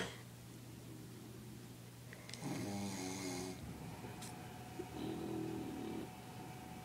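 Two loud buzzing snores, one around the third second and another near the fifth, over low room noise.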